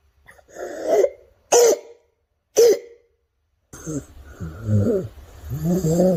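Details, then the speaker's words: Child with acute laryngitis (croup): three harsh, seal-like barking coughs followed by a hoarse, strained cry; barking cough. "well so we saw the parking cup let's see another example so this this is the parking cup"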